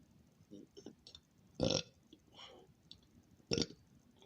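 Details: Woman smoking in an early-morning vlog, with allergy/sinus symptoms and recently taken Sudafed, drinking Dr Pepper; two loud ordinary burps amid quiet mouth sounds and faint talk near the end; burping.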